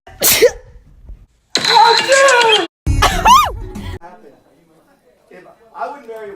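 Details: Sneeze-like sharp burst opening a comedic mock advertisement for an anti-sneeze face mask, followed by loud sound effects and voices.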